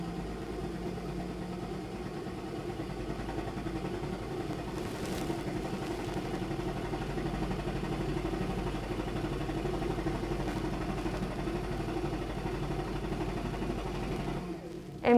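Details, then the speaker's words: High-frequency chest wall oscillation vest running at 12 Hz, pressure 6, for 6 minutes in cycle two of an airway clearance demonstration for cystic fibrosis: steady low mechanical hum and rumble. "so now we're going to move on to our next cycle cycle number two uh sam will start at a hertz of 12 and a pressure is six and the time of six minutes"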